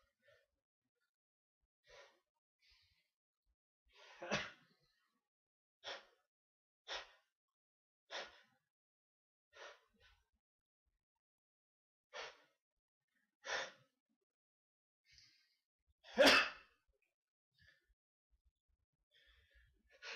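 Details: Repeated short catching breaths (hitching) build up over several seconds, then a single loud, explosive sneeze.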